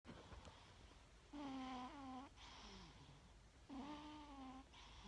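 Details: Sleeping cat snoring, first mistaken for choking: soft, buzzing snores on the in-breath, two in about five seconds, with faint whistling out-breaths.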